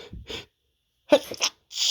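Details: A male's big sneezes with a long build-up: short breathy wind-up sounds, then a sharp sneeze burst and the start of another.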